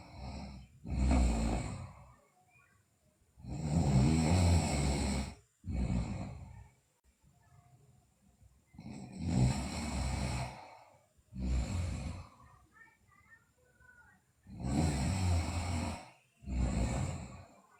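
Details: Sleeping girl, in a recording also showing bruxism and delirious sleep talk, makes loud, rattling snores on both inhalation and exhalation, about seven bursts in eighteen seconds: heavy snoring.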